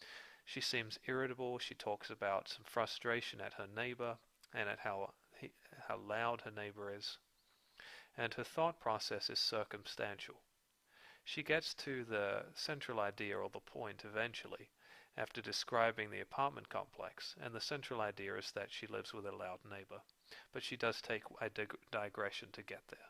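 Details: Adult narrator; typical speech.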